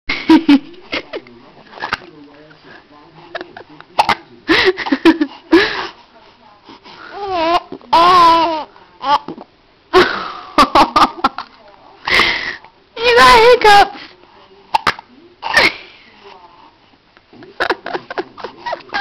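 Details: Baby hiccups: repeated short, sharp, abrupt voiced bursts at irregular intervals, with a few vocal sounds between them.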